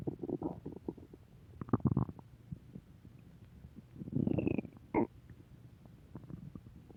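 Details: Recurring stomach growling: soft gurgling and bubbling rumbles with brief squeaks; borborygmi.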